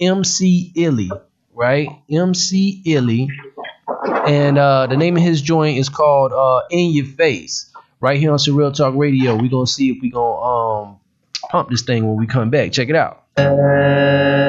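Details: Adult male speaker; normal speech.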